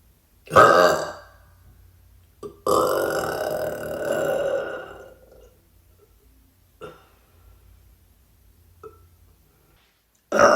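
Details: A woman gives a short belch, then a long, drawn-out rumbling burp, then a few faint small ones in a quiet room; burping.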